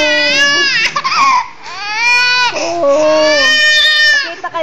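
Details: A young child's loud, sustained, high-pitched wailing with sobbing breaks, crying after their chicken was taken away; crying (child).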